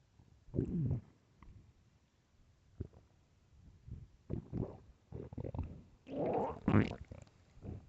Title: Loud starving stomach growling (HEADPHONES 🎧)